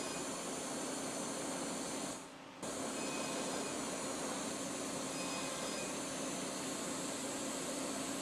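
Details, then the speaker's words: Live demo of Edge 1 CO2 fractionated laser on a patient's acne scars, also treating perioral lines and wrinkles: steady loud hiss of cold air that eases discomfort, with a faint device hum, briefly interrupted; fractional CO2 laser treatment with cold-air cooling. "So here we're going to focus on the acne scars. And there's going to be some cold air that's going to help with the discomfort and also..."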